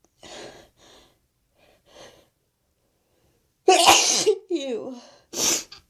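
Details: Sneezing after a long build-up: soft breathy inhalations building, then two loud, explosive sneezes in quick succession, described as messy.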